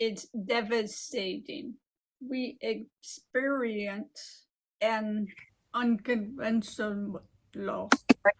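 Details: Adult living with aphasia and apraxia of speech following a stroke 15 years ago; aphasia with apraxia of speech.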